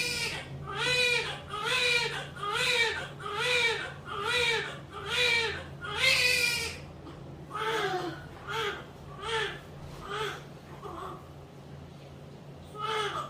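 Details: Newborn crying just after a normal vaginal birth, delivered at 9:45: rhythmic, strong wails at about 70 a minute, then softer, shorter cries.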